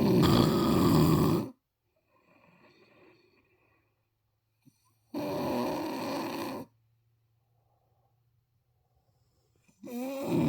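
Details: Mother snoring: loud harsh snores lasting over a second each, separated by long quiet gaps of several seconds; heavy snoring.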